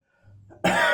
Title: Tickly Summer Morning Cough.